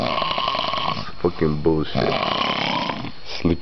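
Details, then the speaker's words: Soldier asleep in an army bunk room, heavy snoring all night: loud, rough, gurgling sounds with breathing against a noisy room. "Yo, that [ __ ] is the [ __ ] worst dragon you ever hear asleep. Yo, it's like a hibernating beer that never [ __ ] stops."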